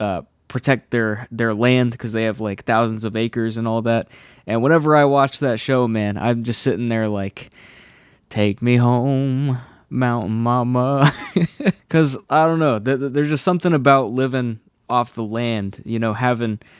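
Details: Adult male who has stuttered since childhood; a specialist's help was temporary, and he says anxiety makes it worse; stutters are left unedited in this recording; stuttering.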